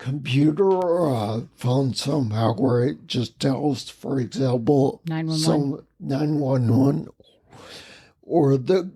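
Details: Ataxic dysarthria in a man with spinocerebellar ataxia, a rare neuromuscular disease that has also caused mobility challenges and noise-induced anxiety; he has lived with these disabilities for over 20 years.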